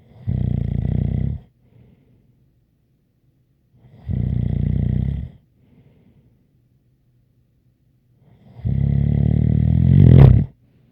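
Three loud, rattling snores about every four seconds, with faint whistling on the breath and a sharper snort at the end; snoring during sleep.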